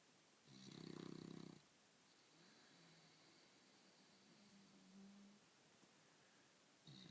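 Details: Winston sleeping in bed like a human: one rough snoring breath followed by faint whistling breathing in a quiet room, then the start of another snore; snoring.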